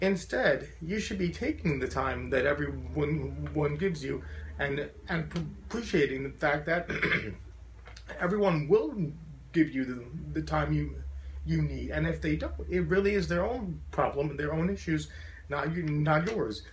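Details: Adult man with a very severe stutter since childhood, once taking up to five minutes to say his name, who says he still stutters profoundly; stuttering.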